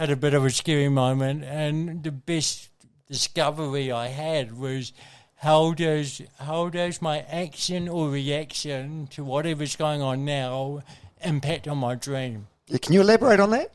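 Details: Adult man with congenital cerebral palsy, a brain injury from oxygen loss during birth, with thinking intact; real dysarthria (cerebral palsy).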